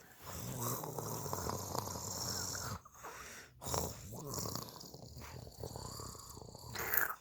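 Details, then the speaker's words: A young child told to lie down and sleep makes a long, rough, rattling snore-like sound, then shorter snorting bursts; imitated snoring, not real sleep, with faint room noise. "Is that how you sleep? You snore? Do you snore when you sleep?"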